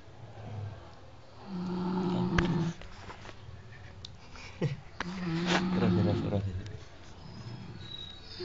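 Two deep, rough, vibrating snores with breathy gaps between them, against faint room noise.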